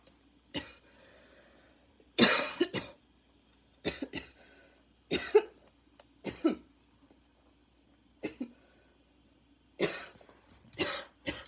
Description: thought i was done but another fit came a few minutes later after i uploaded the previous video! my lungs were not ready for this at all, inhaler needed badly